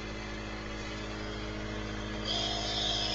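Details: Nebulizer compressor running during a young boy's breathing treatment: steady mechanical hum with a fast rattling pulse, normal operating sound.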